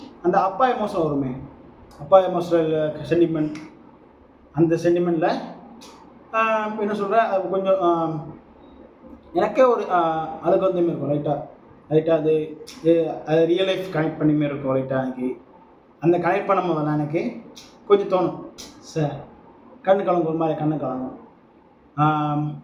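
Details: Adult Tamil-speaking man who identifies as a person who stammers, recorded as speaking practice for a stammering support group; stuttering.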